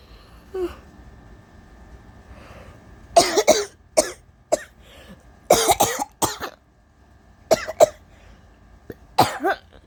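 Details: Sick, feverish, exhausted person trying to hold back allergy sneezes (states no cold): several sharp explosive sneezes and coughs with breathy, emotional catches between bursts.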